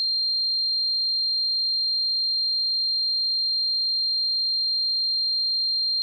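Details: A steady, high-pitched pure tone runs unbroken throughout: a sound-effect simulation of the ringing heard in tinnitus.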